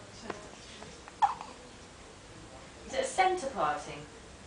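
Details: Six-day-old newborn boy with hiccups, which he often had in the womb: short, sudden catch sounds with soft voiced bits between, quiet room.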